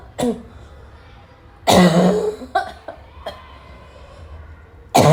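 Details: Afternoon coughing fit in a girl, starting weak and gradually becoming violent: several harsh coughs, one loud and forceful, with throat clearing between them.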